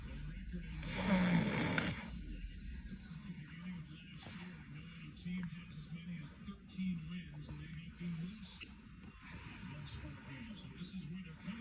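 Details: Snoring: low, throaty rattling snores repeating throughout, with a louder burst early on and faint background sounds.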